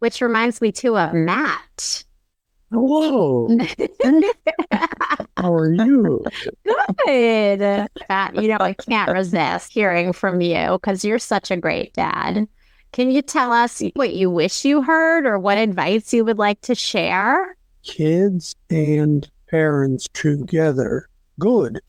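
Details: Global aphasia in a woman 27 years after a severe stroke with right-side paralysis; formerly spoke five languages, could not speak for about a year, still speaks in fragments.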